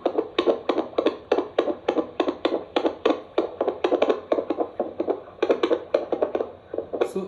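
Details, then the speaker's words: BPL FT-9713N professional fetal Doppler, device demonstration with no fetus: gelled probe is tapped, giving rapid, irregular swishing thumps, a tap artifact showing the device detects movement. "see we are tapping on this it means this device is detecting some movement inside of the probe"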